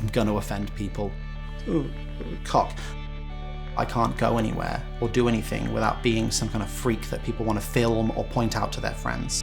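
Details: Vocal tic with coprolalia in a 29-year-old man with Tourette syndrome diagnosed at 21, who has involuntary motor and vocal tics; an involuntary vocal tic occurs here.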